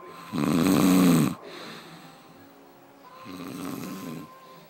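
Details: Snoring recorded in the dark: two snores, a loud harsh buzzing one then a softer one a couple of seconds later, with faint background tone.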